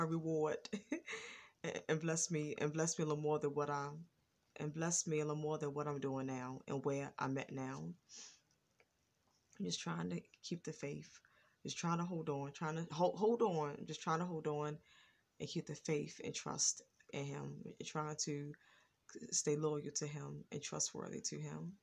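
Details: Stuttering in an adult woman with a lifelong stutter, now more controlled than in earlier years, when it was worse with throat blocks, ticking noises and pauses.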